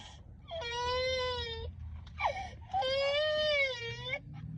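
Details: Two sustained tonal wailing cries from an infant girl with a short catch between them; ordinary infant cry.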